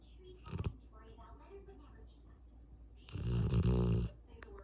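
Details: Sleeping Cane Corso dog: soft snuffling breaths, then one long, deep, rumbling snore lasting about a second; snoring.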